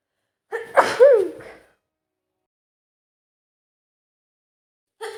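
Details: Woman sneezing repeatedly through the day, possibly a cold: one sharp sneeze with a quick breath in before it, then silence.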